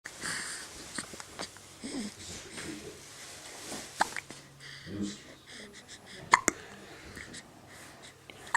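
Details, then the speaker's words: Infant boy hiccuping while awake with his eyes open: soft, brief catching sounds recurring irregularly amid quiet room noise and a few clicks. "first time i've gotten to catch you with your eyes open and hiccuping oh you are just so adorable"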